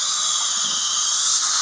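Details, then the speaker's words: Dental hygiene ultrasonic scaling of the molars using a Kona block tube set with high-volume suction and an autoclavable suction mirror: steady high-pitched hiss and whine of the scaler running nonstop while suction clears everything. "this position right here is probably the most effective use of the section you can just really scale the MERS very well nonstop and it really suctions up everything"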